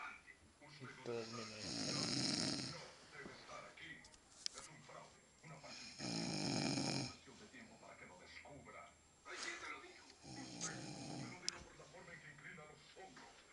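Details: Brother snoring while asleep after New Year's parties: loud rattling snores at roughly 4-second intervals, with quieter breathing and noise between them.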